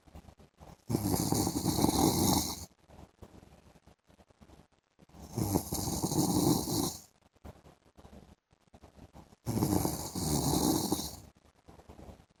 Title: PART 2 MY HUSBAND'S SNORING SOUND IN THE AFTERNOON